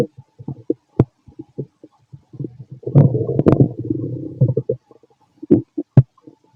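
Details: A fit adult male's stomach after lunch and a carton of milk, possibly recorded with a stethoscope: low bubbling gurgles and clicks with a longer rumbling run, bowel sounds (borborygmi).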